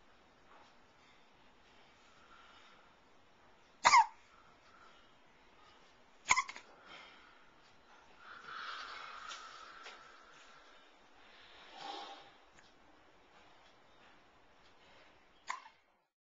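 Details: 3.5-month-old baby girl with ordinary infant hiccups: three sharp, brief hiccup bursts over about 16 seconds, with soft breathing and small vocal sounds between.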